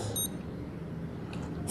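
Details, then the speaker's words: Short electronic beep from an Accu-Chek blood glucose meter as the reading comes up, in a sick diabetic man on an IV with very high blood sugar (reads 28.1 after fingerstick); glucose meter beep. "let me cling my finger with my wipe and poke it again and put it on my sugar out my blood"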